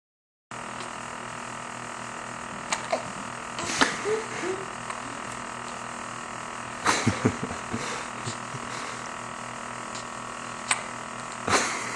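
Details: Dog named Piper sitting around with brief sharp catches every few seconds against a steady room hum: hiccups.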